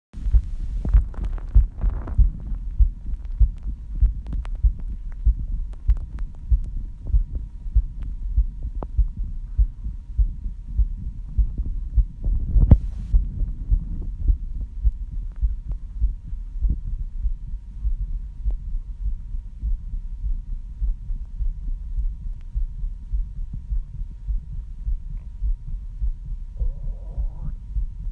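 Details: Fast, regular low heart thumps at about 98 beats a minute, recorded just after cycling: heart sounds after exercise.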